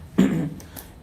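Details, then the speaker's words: Imitated throat clearing demonstrated by a speech-language pathologist during voice therapy advice: one short, gruff throat clear, shown as a habit to avoid because frequent clearing causes friction between the vocal cords and may damage the voice. "if you are doing there will be a lot of friction between the vocal cord and that may damage your voice and the vocal cord"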